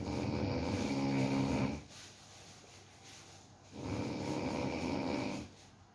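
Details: Sleeping pet dog snoring while falling asleep: two long, low, rattling snores with a quiet breath out between them.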